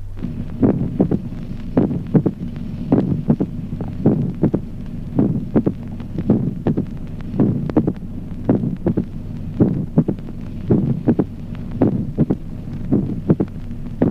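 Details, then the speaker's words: Mitral opening snap with a long interval, in sinus rhythm: regular heart sounds near 54 a minute with an extra sharp sound after the second sound. "Ejemplo chasquido de apertura mitral de gran intervalo con ritmo sinusal."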